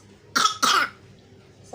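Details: Infant with a cough and cold after eating ice cream, being given cough syrup: two quick, harsh cough bursts close together in a quiet room.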